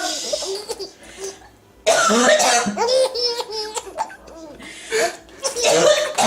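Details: A mother's short, dry coughs while getting ready to feed her infant, followed by the infant's bright, bubbling laughter; coughing.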